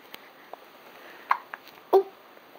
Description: my daughter gets the hiccups, first thinks its funny and laughs, but then starts to get mad, lol